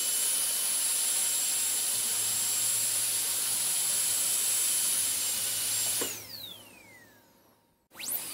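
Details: High-pitched steady whine of a dental drill running, winding down as it switches off, then briefly starting up again; an ASMR dentist-drill on-and-off sound recording.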